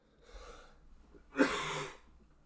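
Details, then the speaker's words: Man with a worsening cold caught from his child: a soft breathy sound, then one harsh explosive cough burst lasting about half a second: cough. "but today I'm I'm really starting to feel it with a cough. Maybe you can hear it in my voice."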